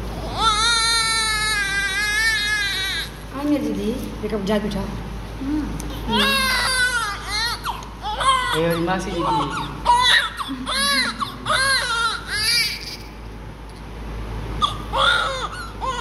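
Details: Newborn baby girl just after an evening birth, during cleaning: repeated strong, high-pitched wavering cries with soft adult voices and handling noise in the room; a normal vigorous newborn cry.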